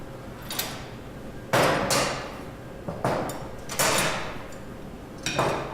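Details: Four sharp metallic mallet blows with ringing decay: a starter chisel driven during femoral preparation for a Lubinus hip prosthesis, in a surgical instrument tutorial.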